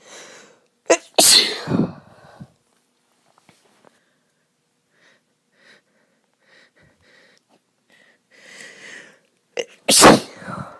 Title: Sneezing because I am ill (F)